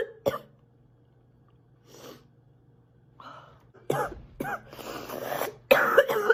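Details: A woman, described as sick, gives a short burst of harsh, repeated coughs after a brief quiet spell and a throat clear; cough.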